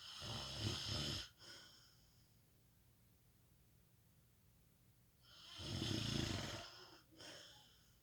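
Two loud rattling snores on the breath in, separated by a quiet pause; ordinary snoring.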